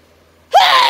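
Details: Autumn hay fever sneezing: a quiet pause, then one sudden, very loud, explosive sneeze that cuts off abruptly.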